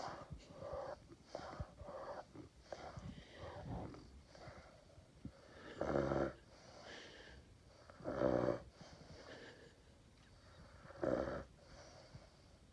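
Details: Sleeping dog with slow, irregular snoring and rough, rattling breaths, about 27 a minute, in a quiet room, making a lot of noise until woken; snoring.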